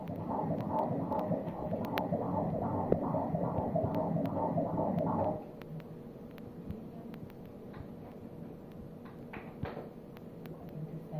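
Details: Fetal heartbeat at 17 weeks of pregnancy on ultrasound: rapid, regular whooshing pulses about 147 per minute, then quieter room noise; normal.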